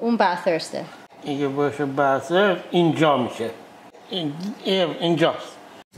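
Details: Father with transcortical motor aphasia; transcortical motor aphasia.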